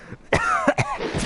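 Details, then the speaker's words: A short burst of harsh, throaty coughing, two or three quick expulsions close together, while the person says they can't breathe; an acute cough. "oh God I can't breathe oh gosh we got a catalyst what what level is oh my God I can't remember I can't do anything okay gosh"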